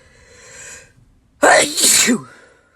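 A short in-breath followed by one loud, explosive sneeze; an ordinary sneeze.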